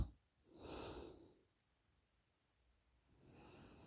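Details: Woman snoring during a short nap: two slow, noisy breaths in a quiet room, one loud and rough on the in-breath, with a pause between them.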